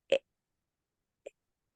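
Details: Stuttering block imitated by a speech therapist in Spanish, where the flow of speech cuts off.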